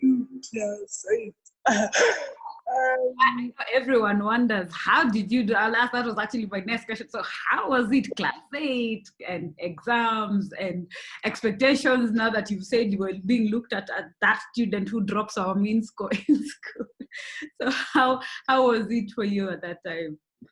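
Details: Adult host; typical speech.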